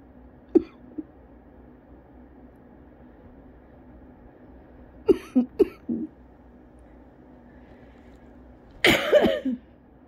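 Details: Adult with cough variant asthma coughs after running outdoors in the cold. Scattered short dry coughs are heard.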